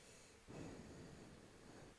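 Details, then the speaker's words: Soft, faint breathy airflow vocally imitating diminished breath sounds on the affected side in pneumothorax, where air movement can barely be heard, in a patient with chest pain on breathing; imitation in an EMT lecture. "he can barely hear it air moving and they're complaining of pain on that side that's missing those lung sounds or diminished lung sounds"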